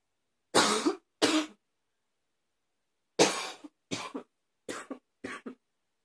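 Six harsh, abrupt coughs in two bouts, with a barking quality, from an adult.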